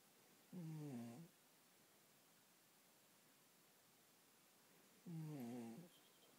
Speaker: love my little Peeky Boo who snores.